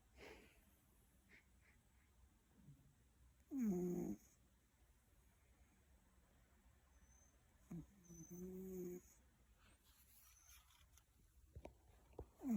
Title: Loud Snoring Cat